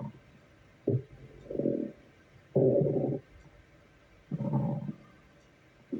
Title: Stomach growling at work.